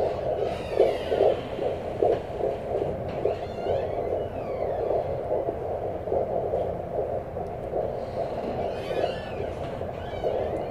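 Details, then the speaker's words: Fetal heartbeat at 17 weeks of pregnancy on a Doppler at a prenatal visit: fast, strong whooshing pulses, about 149 beats per minute, over a steady hum with some movement noise. "Oh that's a baby's heartbeat Wow ang lakas ng heartbeat niya marinig niyo ba yun"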